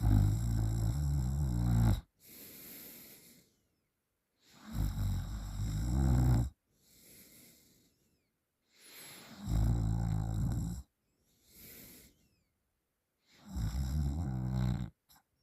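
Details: Open-mouth snoring in sleep while a partner holds the sleeper's nose shut: loud rattling snores on each in-breath, about four in fifteen seconds, with quieter out-breaths between.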